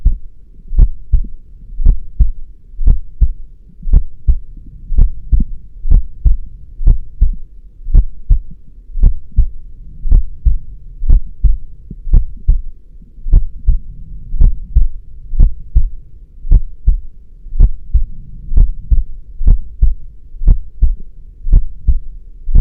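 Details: Steady, deep lub-dub heartbeat at about 57 beats a minute over a low background hum; heartbeat.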